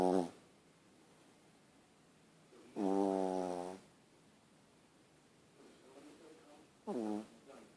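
Loud, regular buzzing snores, about three in eight seconds with quiet pauses between, from a small dog; vibrating soft-palate snoring.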